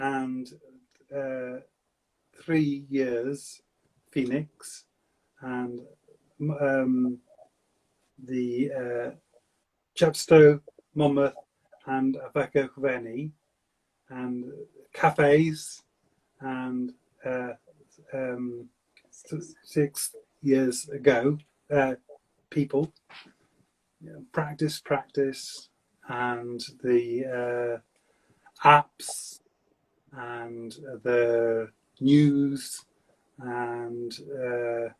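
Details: Adult male stroke survivor with aphasia for seven years since a stroke at age 50, speaking in fragmented, non-fluent speech; non-fluent aphasia.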